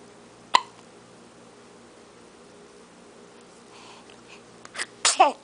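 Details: Baby boy, just woken: in a quiet room, a sudden small catch early on, then a quick cluster of tiny explosive bursts; infant sneezing.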